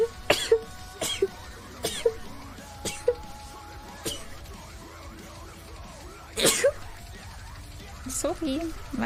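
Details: About seven sharp explosive sneezes in quick succession over quiet background music; rapid repeated sneezing, from a compilation.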